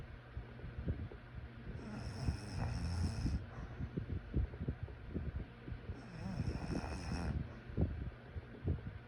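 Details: Quiet low rumbling breaths during sleep, with two louder snoring breaths about four seconds apart over steady room noise; snoring.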